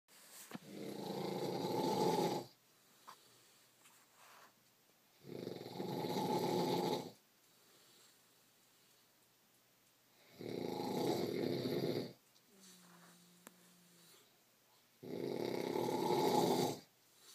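Four loud, rough snores with quiet pauses between, about 13 breaths a minute: steady snoring.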